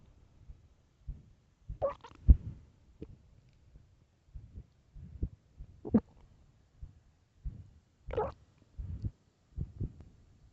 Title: LOUD starving stomach growls (headphones) part 3